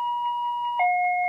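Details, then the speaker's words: Steady electronic alarm tone stepping down in pitch from a Medfusion 4000 syringe pump in a training demonstration: near-empty syringe alarm, prompting a check of syringe loading. "here's an example of an alarm that says the syringe is near empty this could happen you may just want to make sure that you have all your syringe loading all properly and in place"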